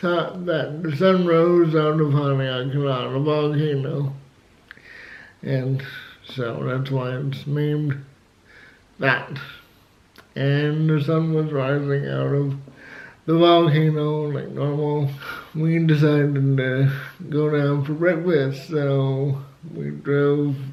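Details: Adult man with cerebral palsy who had to learn to talk, also has asthma and says flu almost killed him; dysarthria due to cerebral palsy.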